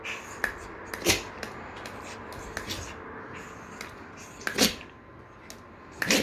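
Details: Dog, Snoop, sneezing while trying to get a ball: about three short, sharp sneezes among scattered clicks and scuffles in a small room; sneezing.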